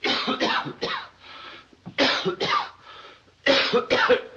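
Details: Three bursts of two to three harsh acted coughs from film scenes.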